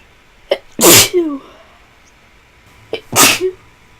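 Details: Two forceful sneezes, each preceded by a sharp intake of breath, from a woman feeling unwell and feverish with a tickly nose; repeated sneezing.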